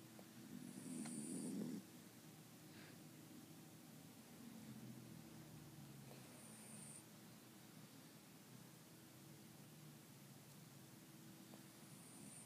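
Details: A soft low rumbling snore, loudest at first and then fading, with faint squeaky whistles at intervals over steady room noise; loud snoring.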